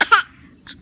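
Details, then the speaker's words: Child playfully imitating a cough to tease its mother, who has a cough: a brief voiced cough-like burst, then a faint second sound. "Batuk, Bu. Di komik aja, Bu. Udah bisa keluar batuk."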